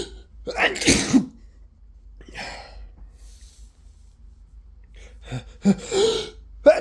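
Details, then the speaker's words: Person with the flu in a sneezing fit: two or three sharp, explosive sneezes with gasping breaths before them, feeling more sneezes coming; sneezing. "I feel another sneeze I really really have to sneeze"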